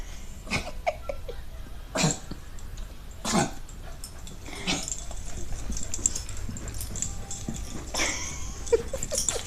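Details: A sound labelled both as barking and as coughing by an animal named in the recording; cough.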